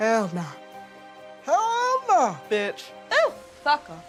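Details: Vocal tics with coprolalia, including repeated swearing, in a female with later-onset Tourette syndrome; her tics are very frequent, continuous and complex, with comorbid anxiety, ADHD and OCD; she is exploring experimental brain stimulation treatment.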